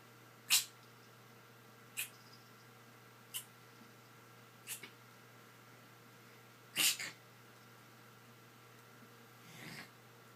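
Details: Cat, which the owner says has the hiccups, gives five short, sharp nasal bursts about every one to two seconds in a quiet room, fitting repeated sneezes.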